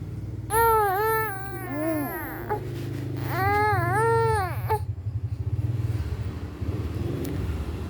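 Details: Infant cries hard enough to cough: two loud, wavering cry bursts over a steady low rumble, then quiets to whimpers.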